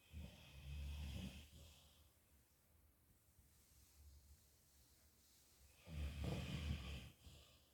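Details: Yellow Labrador retriever snoring loudly in her sleep: two loud, low, rattling snores about six seconds apart with quiet breathing between.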